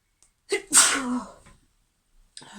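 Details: Sharp inhaled lead-in then a loud, explosive sneeze in a quiet room, part of a run of repeated sneezing (female) she says she can't stop and wants to stop sneezing.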